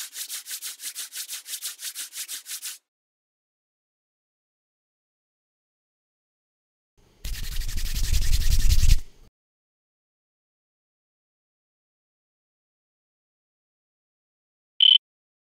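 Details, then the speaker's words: Rhythmic soft rubbing swishes, a louder rubbing burst, then a short beep: audio calibration file for an online home hearing test, played so the user matches volume to a hand rub in front of the face. "इस विशेष online परीक्षण के लिए, एक audio calibration file चलाई जाती है जिसे उपयोगकर्ता को चेहरे के सामने हैंड रब के साथ ध्वनि की मात्रा को पूरी"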